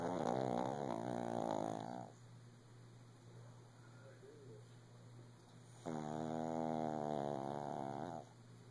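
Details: Shih tzu dog lying down early in the morning, two loud drawn-out buzzing, slightly rattly snores separated by quiet breathing: snoring.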